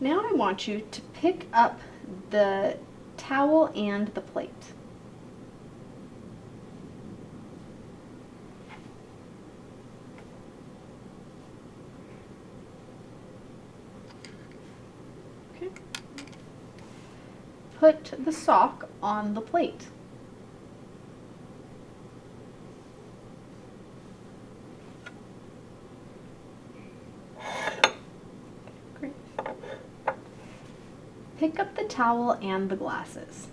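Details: Adult female speaker giving instructions; normal speech.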